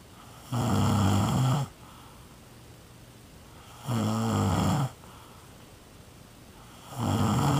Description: Somebody I know that is snoring.